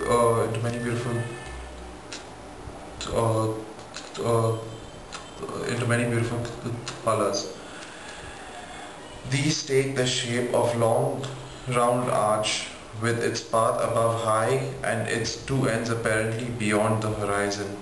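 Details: Stuttering in a 24-year-old man, recorded before stammering therapy.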